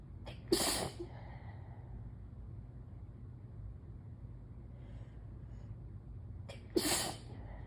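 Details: Intense morning allergy sneezing: two forceful sneezes, each with a brief intake before it, about six seconds apart, over steady room hum.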